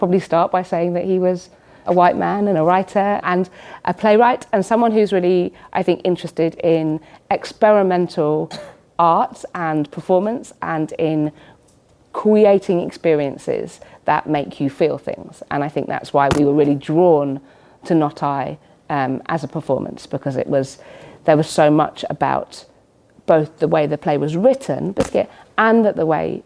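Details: Woman in her late 30s with Tourette syndrome; involuntary vocal tics such as "biscuit", "hedgehog", "sausage", "cats", and motor tics of hand banging on chest, audible despite padded gloves; vocal tics (Tourette syndrome).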